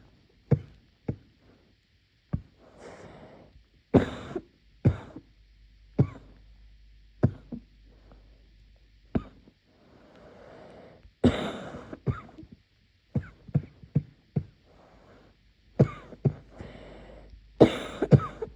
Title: muffled night coughing fit